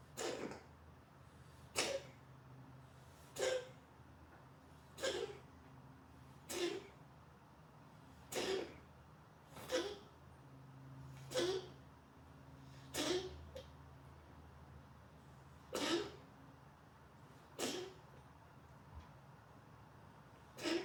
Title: Coughing Fit